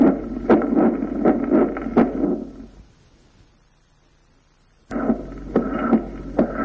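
Heartbeats at about 80 a minute with a rushing systolic murmur after each first sound, fading away; mitral valve prolapse murmur, decrescendo form.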